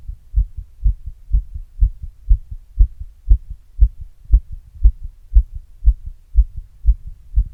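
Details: Own heart recorded after exercise with an earbud mic and a glass; fast, regular paired thumps at about 118 beats per minute; normal heart sounds, fast rate after exercise.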